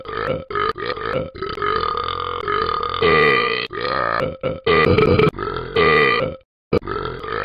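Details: Dog burping: a series of long, deep, voiced belches with brief pauses between them.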